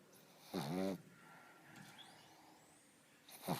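Snorting, rattling snore on an in-breath, then quiet, then the next snore starting: noisy breathing of a sleeping flat-faced dog.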